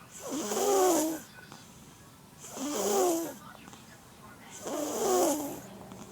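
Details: 11-month-old infant snoring: regular vibrating snores on each breath, about 28 per minute, three heard.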